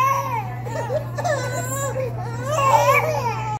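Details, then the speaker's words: Triplet baby brothers crying while their sister sleeps: several infants crying together with wavering, high-pitched wails over a steady low room hum; ordinary infant crying. "Why are y'all crying? Why are y'all crying? She's like, let me sleep, let me sleep."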